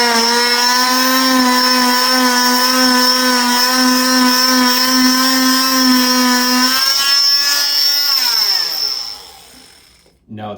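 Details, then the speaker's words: Oscillating cast saw cutting the medial side of a below-knee cast for removal, with fingers protecting the skin, in a series of punches; loud high-pitched whine with rapid pulsing, then winding down. "Now, as this cuts, it's going to dive in. I'm not going into the cast and dragging it along. It's a series of punches as we go down."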